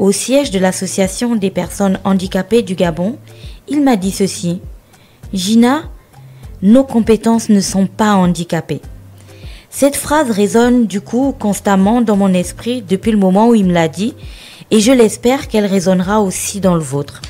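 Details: Adult woman speaking French; typical speech.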